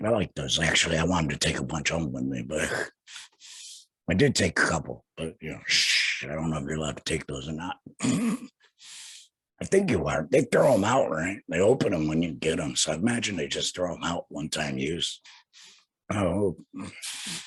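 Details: Male laryngectomee who had a total laryngectomy in 2020, speaking without a larynx; alaryngeal speech after total laryngectomy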